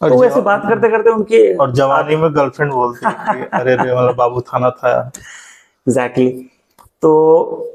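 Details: Adult male speaker; normal speech.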